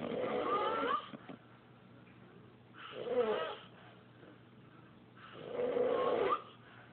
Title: Snoring Like a Little Bitch